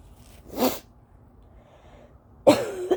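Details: Adult with allergies in an early-morning (about 5 AM) coughing fit, also blowing the nose: two short, sharp, dry coughs separated by a quiet pause, without rattle or wheeze; dry cough.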